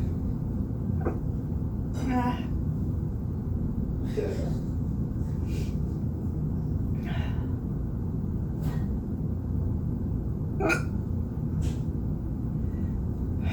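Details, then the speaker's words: Spontaneous hiccups: brief, sharp catches of breath recurring every one to two seconds over low room rumble, filmed during a bad bout that then stopped. "I had the hiccup so bad. I'm filming it."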